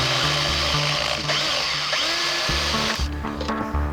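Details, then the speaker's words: A powered dental float files a horse's teeth in a mouth with very little room. It makes a steady, loud motor whine with grinding against the tooth, with background music. "in Years Gone by this job had to be done with steel files they were cumbersome they were tricky and they always ran the risk of actually digging into the horse's mouth and causing pain using this equipment it's a whole lot better"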